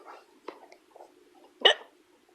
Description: I keep trying to tell a story about a ghost in my house, and can't get rid of my hiccups!